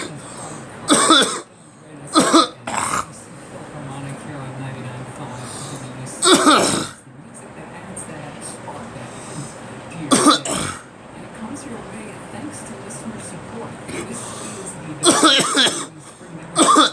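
About seven harsh, explosive coughs in short clusters, with radio talk playing in the background.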